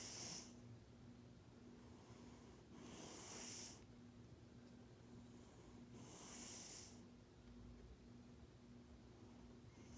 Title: Fat Cat Snores Very Loud! Can You Hear it? 😴